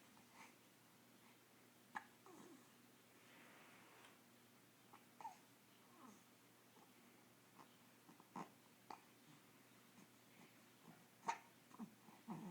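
Quiet, sharp hiccups recur about every three seconds, four or five in all, over faint room noise; a bout of hiccups.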